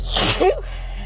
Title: More time spent in the car sneezing...